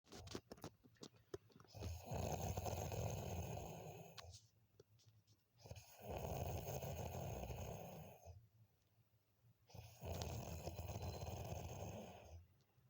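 Three long, rumbling snores on the in-breath, each about two seconds, at roughly fourteen breaths a minute; steady ordinary snoring.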